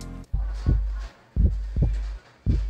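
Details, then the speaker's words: Adult's own heartbeat heard through a Littmann stethoscope fitted with a new membrane and ring: deep, quick thumps, fast heartbeat attributed to excitement, a normal response. "i can hear my heartbeat it's pounding very fast out of excitement that i found a good deal of this shopping purchase"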